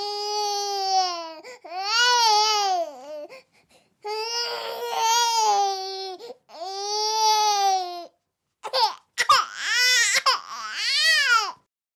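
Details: Sound-effect loop, meant for desensitizing dogs, of an infant crying in repeated loud, high-pitched wails separated by brief gasping pauses.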